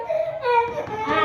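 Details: An infant, possibly in a government hospital, gives a brief, high wailing cry with rising and falling pitch; infant crying.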